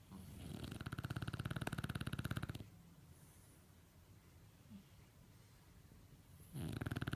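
Long, low, fluttering snores with a rapid rattle, a quiet exhale between them, and another snore starting at the end: snoring.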